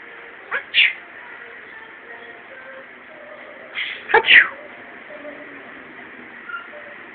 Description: Yoda the quaker sneezing